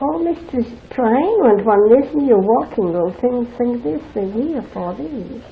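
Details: Real patient in an aphasia demonstration answering an examiner's yes/no questions fluently but meaninglessly: fluent aphasia.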